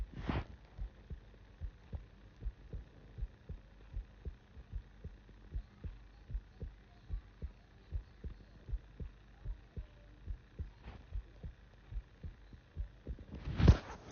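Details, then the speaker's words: Heartbeat recorded through a phone placed mid-chest over sternum right after running: steady, regular low thumps about 120 beats a minute with faint hum; fast but regular normal heartbeat. "So there's a video that I was watching here on TikTok, and they said that if you put like, you can hear your heartbeat through your phone."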